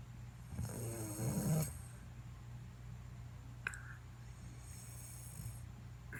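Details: Father snoring: one low, rumbling snore on a breath, then quiet breathing over room hum; snoring.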